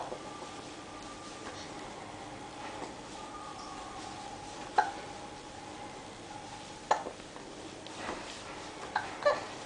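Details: Hiccups in a 7-week-old baby: a few brief, sharp, irregularly spaced hiccup sounds with a steady hum from a quiet room behind.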